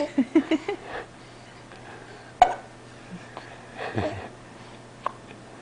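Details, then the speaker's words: Young girl with hiccups while being talked to: several brief, abrupt hiccup catches at irregular intervals, with faint talk and room noise in the background. "tell me something hard to talk when you have hiccups"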